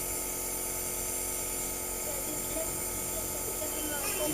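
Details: Steady buzzing motor hum with hissing airflow throughout: a nebulizer compressor running during home nebulization while everyone has a cough and cold.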